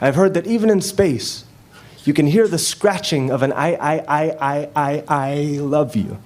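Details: Stutter that developed after his parents' divorce and persists despite hundreds of hours of practice; a male spoken-word poet shows a repeated 'I' block during a poem performance; stuttering.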